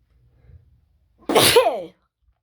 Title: Wide Nose Sneezes Africa.